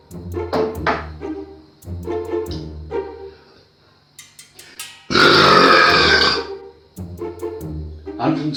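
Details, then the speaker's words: An English man's deliberate, loud, long voluntary burp in a world-record burping contest against an Australian rival, with music in the background; the rival's record was 110.6 dB, and the Englishman's replies reached 117.9 and 125 dB. "Well, I hear that some Australian guy thinks he's beaten my world record with a burp of 110 decibels."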